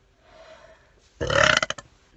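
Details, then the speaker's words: A girl's single loud, rough voluntary burp lasting just over half a second, after a faint quiet lead-in; announced beforehand as the loudest burp ever. "everybody you're gonna hear the loudest burp that you'll ever hear in your whole entire [ __ ] life"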